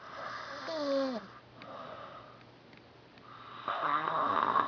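Soft snores with a whistling, squeaky edge over steady room hum; snoring.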